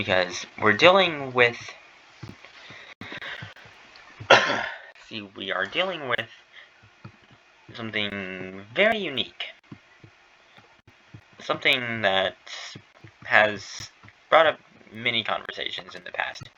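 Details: Streamer who states he stutters and that it worsens while streaming; repeated phrases are heard; stuttering.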